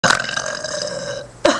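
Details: Two people eating and burping, with choking; a long, loud, toneless burp over a second, then the start of another: belching.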